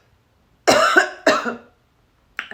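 Three harsh, voiced cough bursts from an adult, an irritant cough from spicy seasoning during a meal.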